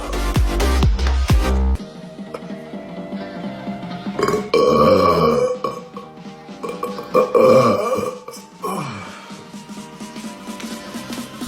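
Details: Male food-challenge eater, burping mid-challenge: several loud, drawn-out, rumbling belches with music in the background.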